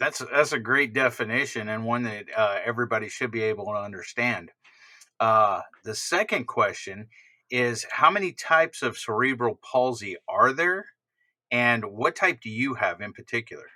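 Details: Adult man speaking; normal speech.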